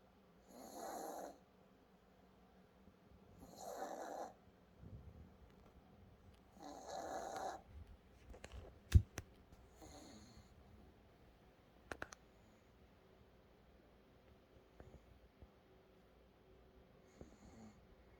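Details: Sleeping dog snoring: soft, evenly spaced snoring breaths about three seconds apart, fading out amid small room clicks and rustles.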